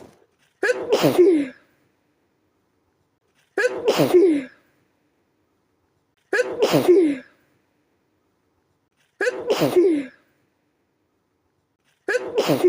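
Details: Nighttime sneezing attack while trying to sleep, attributed to a sensitive nose: five forceful, explosive sneezes about every three seconds.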